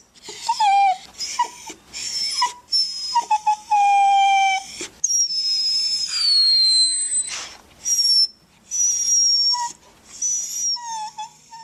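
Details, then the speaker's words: Dog whining: a series of high, thin, sliding whines with short pauses; a sound dogs make when hurt or in continuing pain, or when fearful or anxious. "Ce son est également produit par de nombreux chiens au moment où ils sont blessés et se transforme en un gémissement pour indiquer une douleur continue."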